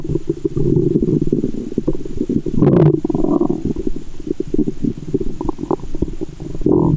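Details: Adult woman's abdomen heard through a stethoscope in the belly button after candy and fizzy soda: loud, continuous gurgling and rumbling with bubbly sloshing; active, normal bowel sounds (borborygmi).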